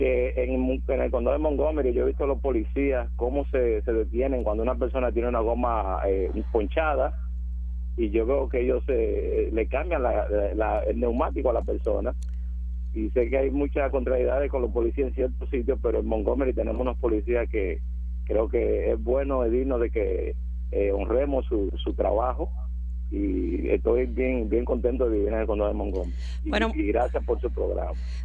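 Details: Adult man speaking Spanish over a telephone line; normal speech.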